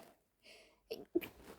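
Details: Stifled, held-back sneezes late at night (after 2 a.m.), set off by pollen through an open window: a soft breath in, then two short muffled bursts kept quiet.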